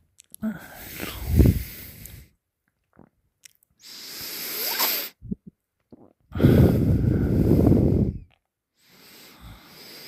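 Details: Loud, rough breathing noises in separate bursts with pauses, from loud open-mouth snoring during sleep; partner held the sleeper's nose shut three times, and the sleeper woke the third time making weird noises.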